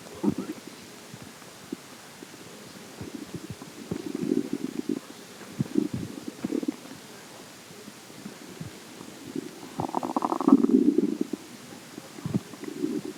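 Irregular gurgling and groaning rumbles with bubbling pops: ordinary stomach growling.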